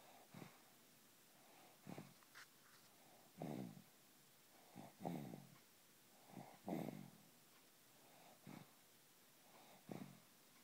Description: Baby snoring just like daddy